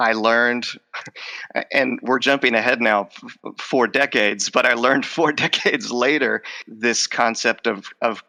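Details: Stuttering in an adult male with a lifelong stutter involving blocks, repetitions and covert stuttering, who says his stutter is emerging as he talks in conversation.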